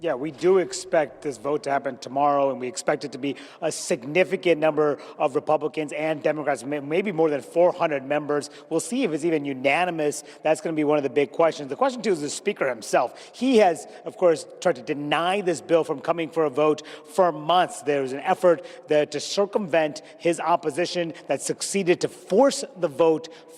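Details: Adult male speaker; normal voice.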